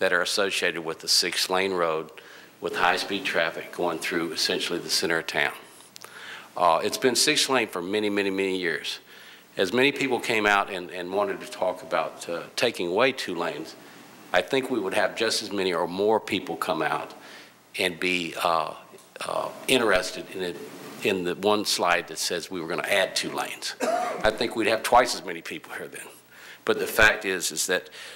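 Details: Vocal tremor in an adult woman, real, self-reported.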